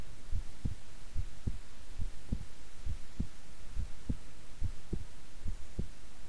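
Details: Steady, soft low thumps at about 70 beats a minute over a faint hum, a person's own heartbeat recorded at length while resting quietly; normal heart sounds.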